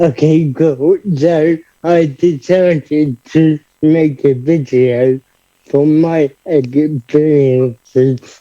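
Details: Adult man living with cerebral palsy who describes himself as having a speech impediment: dysarthria (cerebral palsy).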